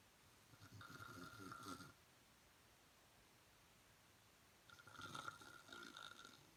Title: Snore the night away lol